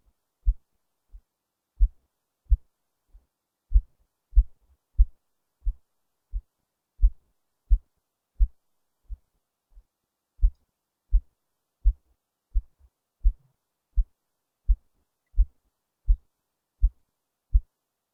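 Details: Self-recorded heartbeat with a low-quality microphone placed under the left breast: low, dull heart thumps at about 86 beats per minute, picked up faintly; heartbeat.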